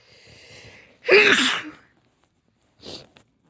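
A loud, sharp sneeze burst follows a brief intake, with a smaller sneezing sound after a pause.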